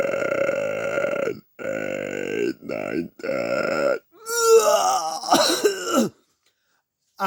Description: I tried to count by burping. I counted till 10. Then almost puked.